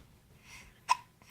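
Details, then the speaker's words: Baby with hiccups: a single brief, abrupt voiced hic after a soft breath in a quiet room. "um hi baby hi how are you what how are you do you have the hiccups"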